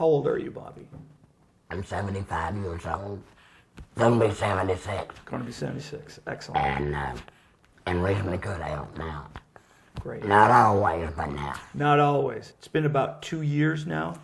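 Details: Adult men talking; conversational speech.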